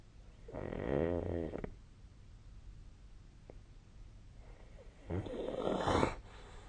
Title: 🐽 本日のイビキ / Snoring Sleep Sound 2025/01/26